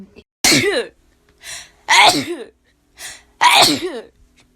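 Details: Person who sneezes a lot, not thought to be allergies, just woke up: three loud, voiced sneezes, each preceded by a short in-breath, repeating about every one and a half seconds.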